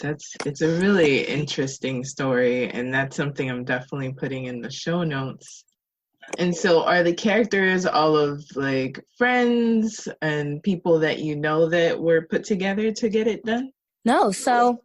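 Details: Adult speakers in conversation; normal conversational speech.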